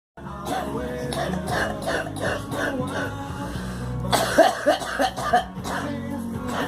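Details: A short run of coughs from a girl, over loud background music.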